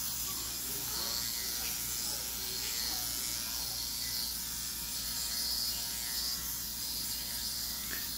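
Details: Steady high-pitched buzz of a dermapen microneedling pen against the skin during a stem cell facial with hyaluronic acid and RPRF, worked at a lower pace under the nose on a female patient.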